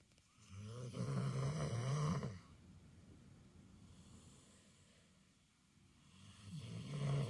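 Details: Snoring during sleep: a low rattling snore on a long breath in, then a quiet breath out, with the next snore starting at the end.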